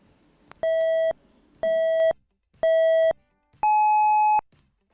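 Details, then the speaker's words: Pure test tones at different frequencies for a headphone hearing test, played in a quiet place to find the listener's upper hearing limit. "अब आपको अलग-अलग frequency के आवाजें सुनाई जाएंगी और जहां तक की आवाज यह आप सुन पा रहे हैं वहां पर इस वीडियो को पोस्ट करके वह नंबर को नोट कर लें क्योंकि वह आपकी सुनने की क्षमता को लिमिट होगी"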